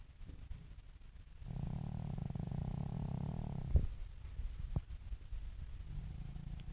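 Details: Sleeping pug: a low, fluttering rumble lasting a couple of seconds, then a faint snort, in a quiet room; snoring.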